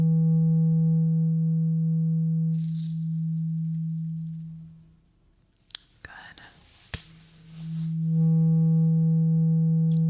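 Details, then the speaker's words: Low steady test tone that fades out, then soft rustles and clicks, then returns in a simulated ASMR ear-exam roleplay: a hearing test on one ear with eyes closed, the listener asked to say when the sound stops. "Great. Now, let's do some hearing test."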